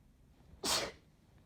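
A single sharp, hissing sneeze burst against quiet background.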